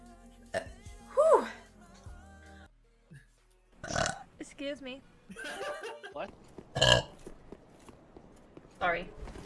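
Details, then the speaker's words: Girl streamer burping: several loud, deep belches over background music, laughter and talk, followed by apologies. "sorry excuse me i am sorry but that's uh that the ladyburp you"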